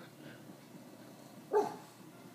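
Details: Sleeping bulldog gives a single brief muffled woof-like sleep vocalization; harmless sleep talking.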